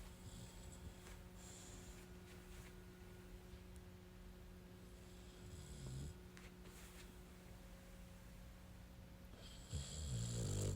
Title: Can you hear him snoring?!?